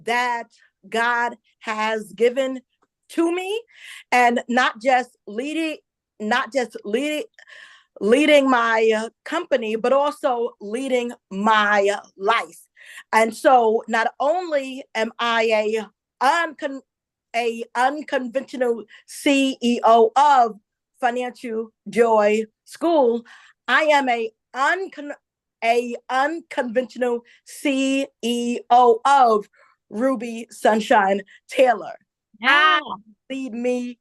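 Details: Adult woman, self-described stutterer since childhood who stuttered a lot as a child, also reports a traumatic brain injury from a 2012 accident; word and part-word repetitions; stuttering.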